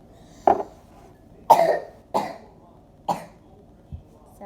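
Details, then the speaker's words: Four or five short, dry coughs about a second apart in a quiet room from a child who says they have a bad cough and sore throat while making a soothing milk drink; cough. "and today I'm going to be teaching you how to make some milk or some kind of consistency so your throat doesn't hurt and it soothes down your throat when you have a bad cough like me."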